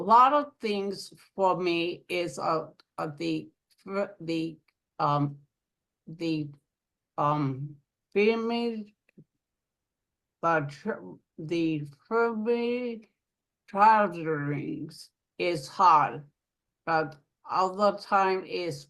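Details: Aphasia in an adult woman following a stroke; aphasia.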